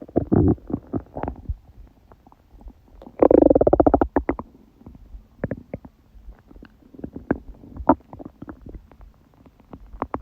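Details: Woman's stomach growling during her period, felt only as dull ache: loud gurgling and rumbling with sustained buzzing growl and scattered bubbling pops; active bowel sounds.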